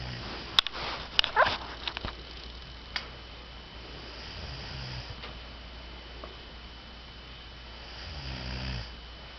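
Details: Woman asleep on a trip, recorded snoring by a companion: a soft, irregular fluttering snore near the end, after a few clicks and sniffs, over steady room noise.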